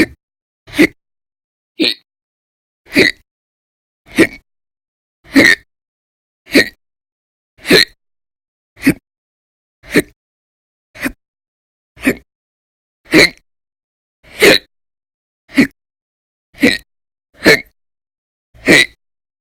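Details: Persistent violent, very loud hiccups in episodes lasting about 10–13 hours a day through December 2019, audio only: sharp, abrupt gulping clicks about 50 a minute with silence between.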